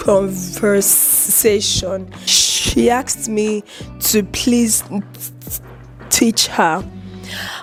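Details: Adult woman with a chronic stutter (stammer), publicly disclosed about two weeks earlier; she reports eye twitching and unusual mouth movements during blocks, managed by gesticulating and deep breaths; stuttering.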